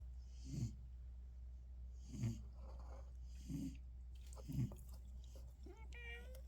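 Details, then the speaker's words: A sleeping cat snoring: soft, rhythmic low snorts with airy hisses between them, about 26 a minute, over a steady low room hum. "you need a CPAP machine? You're snoring. You're snoring."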